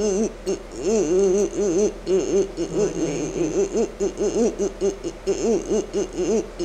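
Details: Example of spasmodic dysphonia, a focal laryngeal dystonia of the vocal folds; an audible breath release occurs as the 'e' sound starts, showing how breathing is affected; spasmodic dysphonia.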